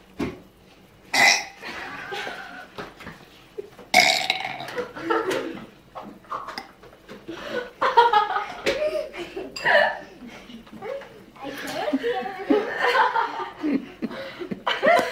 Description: burping after Mollys party